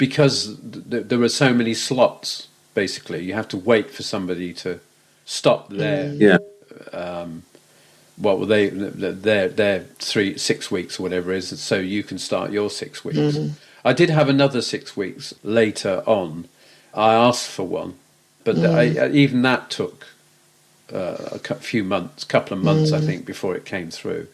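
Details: Aphasia after a stroke in an adult man, with hesitations, fillers and word-finding pauses in conversational speech; aphasia.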